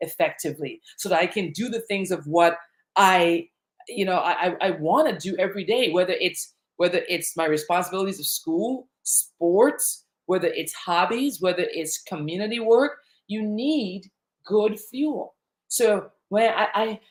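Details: Adult woman who stutters, with repetitions in live talk; the stutter developed around age eight during a long period of fear and anxiety, after which she stopped speaking in public.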